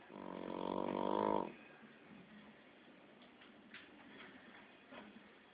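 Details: Shar pei puppy, 15 weeks old, sleeping, with one loud buzzing, vibrating snore lasting just over a second, then quiet breathing with faint room noise: snoring.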